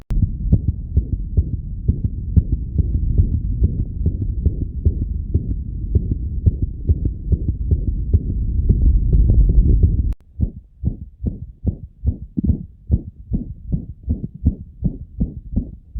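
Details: Dog with myxomatous mitral valve disease (endocardiosis): fast canine heartbeat with a loud whooshing mitral regurgitation murmur filling the beats; murmur intensity graded I–VI.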